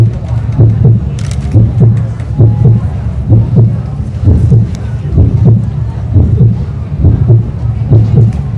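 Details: Model's own heartbeat recorded by a small microphone in a medical stethoscope placed over the heart area, played through speakers in a dress while she walks a fashion show runway; normal heartbeat.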